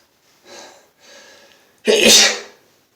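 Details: Adult man sneezing non-stop all day, which he blames on allergies, with a headache: two soft indrawn breaths, then one loud explosive sneeze.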